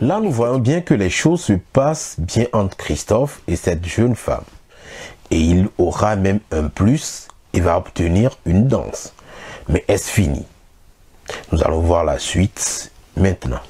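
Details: Adult male narrator; normal fluent speech.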